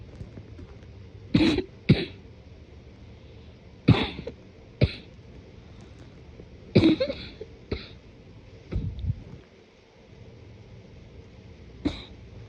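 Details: Morning cough, deliberately suppressed and muffled: about six partly held-back coughs with thick, congested quality; congested cough.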